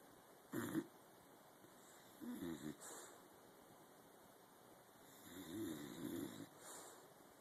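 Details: Dog named Helmer, exceptionally tired, asleep in a home office in the morning: soft, rough snoring sounds with each breath over low room noise; snoring.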